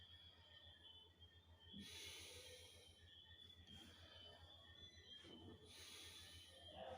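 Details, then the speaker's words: Soft, even airflow rising on inspiration and fading on expiration with no added sounds, heard by stethoscope over the chest on a patient told to breathe in, at the 1st intercostal midclavicular and 5th-6th anterior axillary sites: normal vesicular breath sounds. "En el caso de nuestro paciente podemos decir que tiene unos murmullos vesiculares normales, lo cual nos indica que no hay presencia de ninguna anomalía."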